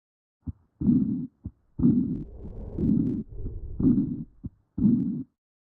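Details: Heart auscultation through a stethoscope: a regular heartbeat at about 60 beats a minute, each beat a short thud followed by a longer rumbling sound.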